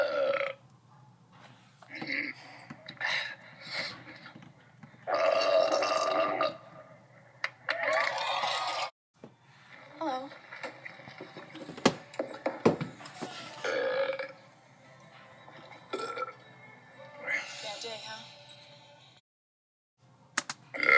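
Several loud, gurgling belches come in bursts amid effects and gaps, a cartoon replay of burping.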